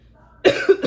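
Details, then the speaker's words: A short, harsh cough burst and a second smaller burst from a COVID-positive adult mother with chest pain, who says the cough feels like it is attacking her lungs. "anyway like i was saying it's more doable than this cough that feels like it's attacking my lungs to be honest you know um"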